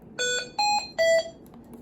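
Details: Three rising electronic tones, each about a fifth of a second, from a Hamilton transport ventilator set up for neonatal use, sounding its alert during setup.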